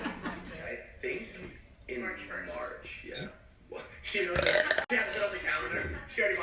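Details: Abby burping: talking, then a loud, drawn-out burp near the end of the clip.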